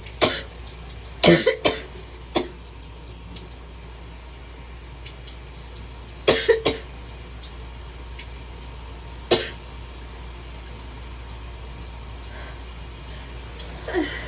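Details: Sporadic coughing in the shower on a bad allergy day: short isolated coughs, some in quick pairs or triplets, over running shower water.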